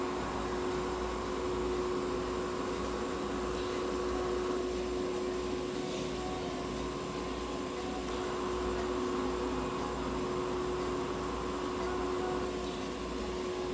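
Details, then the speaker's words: Pet Java sparrow under veterinary ICU oxygen therapy: continuous low hum and soft hiss of the running oxygen unit in a small room. "ICU などホームス酸素療法を行っています。"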